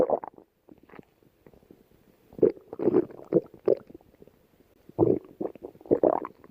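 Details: Fiona lying down with stomach growling (borborygmi): irregular bursts of low gurgling and rumbling separated by quiet gaps.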